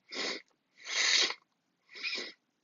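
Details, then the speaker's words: Three breathy, hissing sneezes in a row, a sneezing fit, from someone who had just come from a dentist's appointment. "thanks for watching me sneeze man I got a freaking sneeze attack right now"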